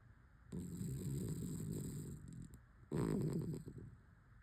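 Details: Rescue dog snoring in the morning: two low, rumbling, fluttering breath sounds with a pause between them.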